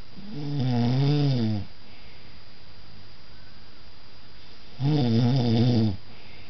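Two long, low, rattling snores on breathing in, about three seconds apart, over steady room hiss; snoring.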